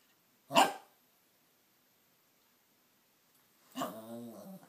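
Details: Dog that sneezes when he wants something: a single short, sharp nasal sneeze, then a brief whine or grumble as an attempt at "Mama"; sneezing.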